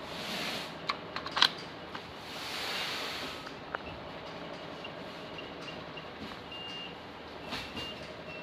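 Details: Focused-ultrasound (HIFU) face-lifting machine being tested, targeting the SMAS layer for skin tightening: bursts of soft hiss, then short beeps and small clicks.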